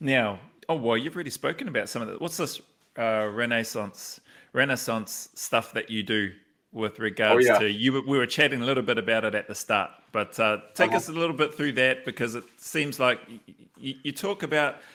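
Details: Adult male speaker; no speech disorder.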